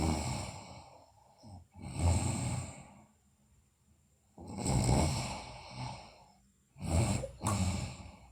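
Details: Sleeping girl, also noted to have bruxism and sleep talking, with irregular rough snoring breaths and snorting bursts, at times a little over two a second, separated by quiet pauses; snoring.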